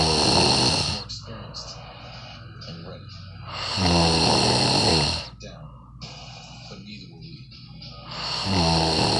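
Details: Loud, rough, rattling breaths recurring about every four seconds, with quieter breathing and background sound between; snoring.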